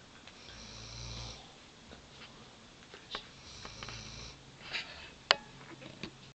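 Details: Weimaraner mother who gave birth to puppies days earlier, exhausted and asleep: two slow, soft nasal snoring breaths with a faint whistle in a quiet room, then small rustles and a sharp click.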